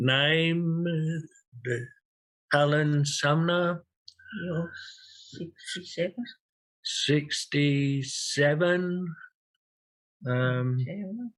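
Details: 67-year-old man with long-standing aphasia after a large first stroke and a second stroke, using a communication board; real, not acted; aphasia.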